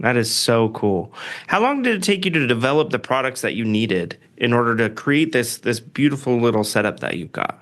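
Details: Adult speaker; typical voice.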